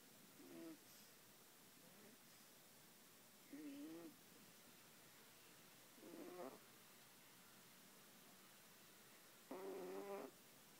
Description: is so adorable sleeping even when she is snoring so loudly after a long day of shooting a TV show! I must admit she snores pretty loud - but delicately - LOVE her!!!